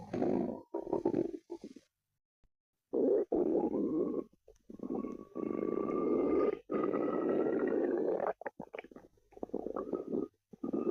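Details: Long gurgling, rumbling stomach growls with squeaky rising tones and short gaps; ordinary gut sounds (borborygmi).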